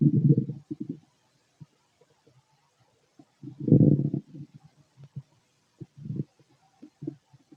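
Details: Male stomach noises while digesting food: low gurgling and rumbling bursts with scattered short pops and quiet gaps, normal bowel sounds (borborygmi).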